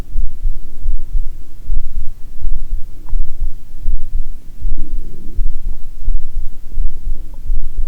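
Low, steady thumping heartbeat at about 80 a minute, with irregular rumbling of stomach growling mixed in.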